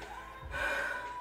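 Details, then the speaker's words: Acted asthma attack during a prank by a young woman claiming asthma and pet allergies after a pet store visit: a single sharp, effortful gasp for air with faint music; simulated gasping breath. "mom I can't breathe right now like Oh to do I can't breathe mom like what do I do"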